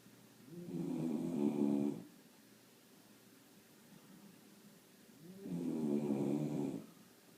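Two drawn-out rumbling snores on the in-breath, about five seconds apart, with quiet breathing between.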